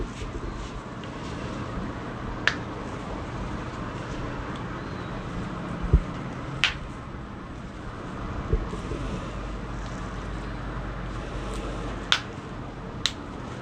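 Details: Chiropractic full-spine adjustment session, during manipulation of the fingers: several sharp, brief joint-cavitation cracks over a steady low room rumble.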